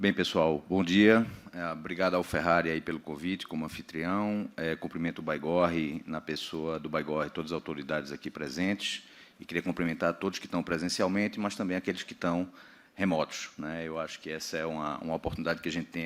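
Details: Adult male speaker; Normal speech.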